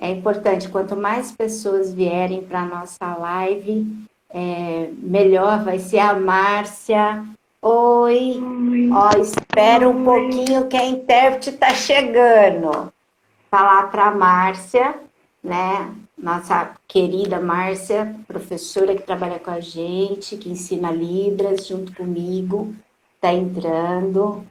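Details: Adult woman; normal speech.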